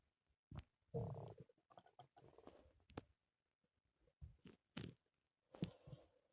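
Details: Several low gurgling, rumbling bursts separated by quiet gaps, audio only: ordinary stomach growling (borborygmi) from gas and fluid moving through the gut.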